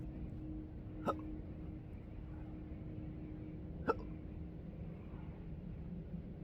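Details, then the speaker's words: Intractable hiccups since December 2015, daily and erratic, with choking spasms, burps and developing achalasia, recorded outdoors at sunrise on the coast: two sharp hiccups about three seconds apart over outdoor background noise. "I thought I'd let you enjoy some of uh my morning meditation that I come on through the roof and uh enjoy the sunrise while I'm hicoping."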